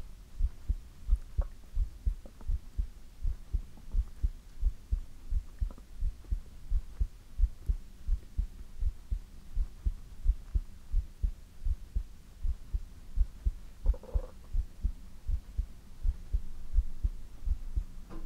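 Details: ASMR heartbeat recording: soft, regular low heartbeat thumps at about 85 beats a minute with faint room noise; normal heartbeat.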